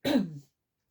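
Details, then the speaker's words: An adult speaking on a recorded talk gives a single brief throat-clearing cough lasting under half a second, then apologizes for coughing: throat clearing. "bon j'espère que ça vous fait pas mal aux oreilles quand je tousse quand vous m'écoutez"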